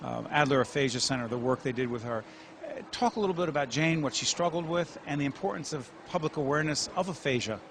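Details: Adult male speaker; normal speech.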